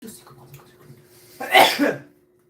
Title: Ateez sniffle, throat clear, cough, (1) (1) sneeze